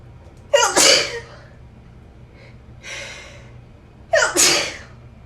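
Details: Two loud, sharp sneezes with a softer breathy burst between them, in a quiet room; sneezing.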